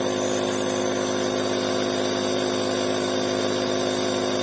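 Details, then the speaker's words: A steady, loud mechanical hum with a fast, even buzz and no pauses: an Omron InalaPop NE-C704 home compressor nebulizer, still working, running continuously and producing mist. "mas o meu ainda tá funcionando como vocês podem ver vou ligar mais uma vez para vocês verem que a nebulização dele é hora é a comprar"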